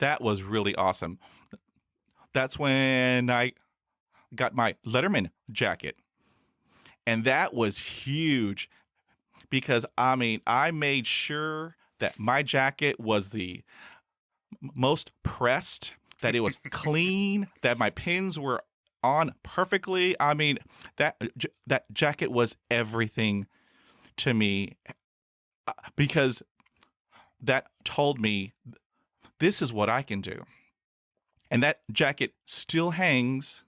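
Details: Real stuttering in an adult man, a speech-language pathologist, who has stuttered since about age six; two younger brothers also stutter, and he calls his stutter fairly obvious.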